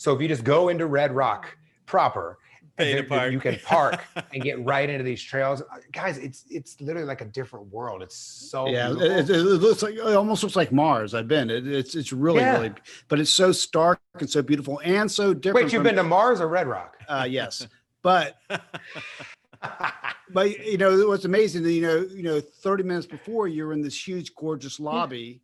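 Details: Adult man with an r/w substitution ('right' heard like 'white'), treated with speech therapy through elementary school and now largely corrected; residual r/w substitution (rhotacism).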